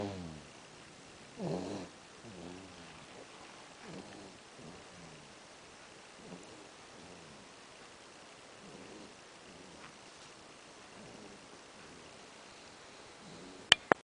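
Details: Soft rhythmic snuffling breaths with one louder snore early on, then faint regular breathing; light snoring during sleep.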